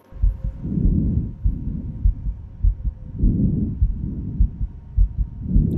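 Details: Healthy heart and lungs through a stethoscope: soft regular heart thumps with gentle breath swells underneath; normal heart and breath sounds.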